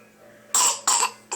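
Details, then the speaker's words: A young child, earlier asked to fake a cough, gives two quick, sharp coughs with the start of a third in a quiet room; a parent judges these real coughs. "that was a real one that's a real one too you're a faker you know that"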